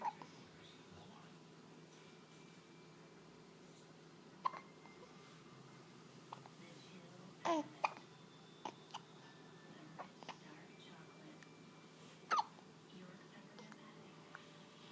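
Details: A handful of brief, sharp, spaced catches in the breath in a quiet room; hiccups.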